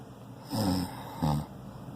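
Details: Adult man snoring loudly while asleep: two loud, rough, low-pitched snores on consecutive breaths, each about half a second, in a quiet room.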